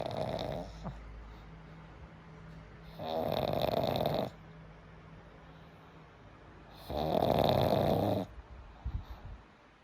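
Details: Boy's very loud snoring: loud, rough, vibrating snores about every four seconds, roughly 15 breaths a minute, with quieter breathing between.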